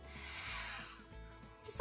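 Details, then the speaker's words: A brief breathy, whistling breath sound from a woman with asthma while she is talking; she says it is her asthma wheeze kicking in. "did you hear that it's my wheeze it's just my asthma she's my asthma kicking in coming to play"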